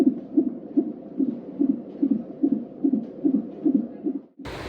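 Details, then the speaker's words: Fetal heartbeat on a Doppler monitor in a mother admitted in labour with labour pain, monitored to check for variations: rapid, regular whooshing beat about 145 a minute, within normal range. "നിങ്ങൾ ഈ കേൾക്കുന്നതാണ് കുഞ്ഞിന്റെ heart beat കേട്ടോ"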